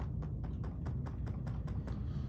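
About eight quick, soft finger taps in steady rhythm on a training mannequin give short, flat thuds: a dull percussion note.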